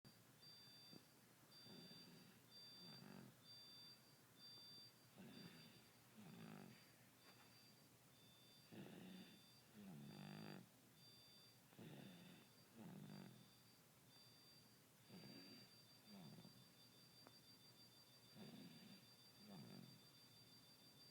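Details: Sleeping infant boy snoring softly and regularly every two to three seconds with each breath, recorded close up, with a steady electronic alarm tone in the background.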